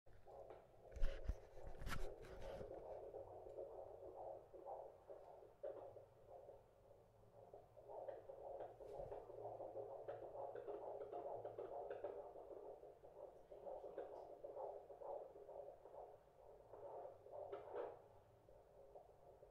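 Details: Fetal heartbeat on midwife's Doppler, about 140 beats per minute, distinctly faster than the mother's placental pulse; baby reported doing well.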